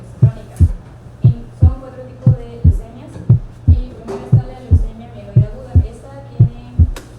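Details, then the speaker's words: Loud first heart sound at about 58 beats a minute: steady lub-dub with a sharp, intense first sound. Soft background music. "Si las válvulas están ampliamente separadas, al contraerse el ventrículo se cierran con violencia, produciendo un ruido intenso y agudo."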